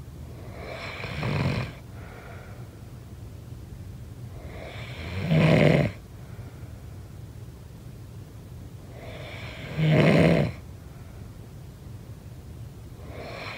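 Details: Sleeping snoring sound effect: regular loud, rattling snores on each in-breath with quiet exhalations between, about 14 breaths a minute; snoring.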